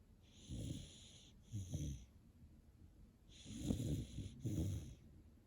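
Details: Sleepy dog snoring: soft rattling snores with a faint whistling edge, in paired breaths in and out.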